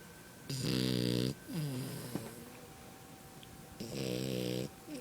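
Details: Sleeping French bulldog puppy snoring with his eyes open: long buzzing snores with a whistling, whining edge, then squeaky sighs, in a quiet room.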